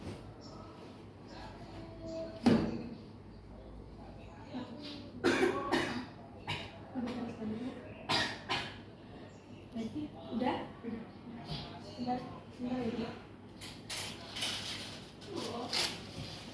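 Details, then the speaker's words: Simulated nursing demonstration of effective coughing exercise for a breathless woman on oxygen, mucus on right side: several short, forceful deliberate coughs between quiet breaths in a small room. "Ibu, kita latihan batuk dulu ya Bu. Ibu bisa berdiri. Ini, tidak. Coba batuk."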